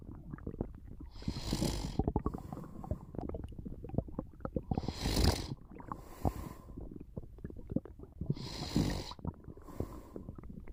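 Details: Snoring with stomach sounds during a short nap: noisy snoring breaths every three to four seconds against low crackling gurgles of stomach rumbling.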